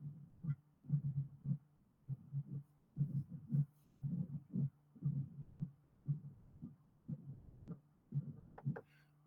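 Regular low-pitched heart cycles, about 60 a minute, each with a low rumble ending in sharper sounds, fitting a mitral stenosis diastolic rumble; brief noise at the end.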